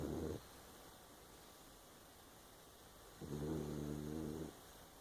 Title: snoring